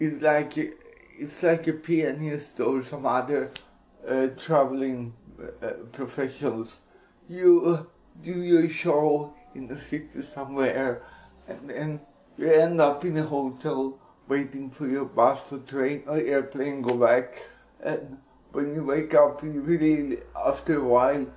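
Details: Speech of an adult man with cerebral palsy, possible mild dysarthria.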